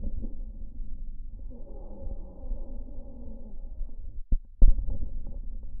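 Soft, low rushing breath sounds through a stethoscope with no musical wheeze: normal lung sounds.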